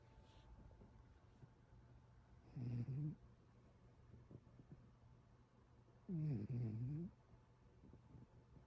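Two low, rattling snores a few seconds apart over quiet room noise; a sleeping cat snoring.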